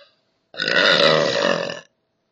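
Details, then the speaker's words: Deliberate burp: one long, loud, rumbling voiced belch lasting over a second; the person says the burps are kind of small today. "yeah they're kind of small today but yeah that's how it sounds"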